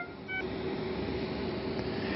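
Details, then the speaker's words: A short three-tone electronic alarm over steady machine and room noise: a Puritan Bennett 980 ventilator alarm that escalated to three tones after the last four or more breaths exceeded the set limit. "if that alarm continues it will escalate to a three tone sound so there's the three tone sound"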